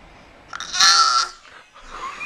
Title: Baby Fake Coughing